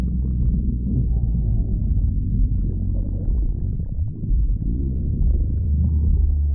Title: stomach growling again lol (request video)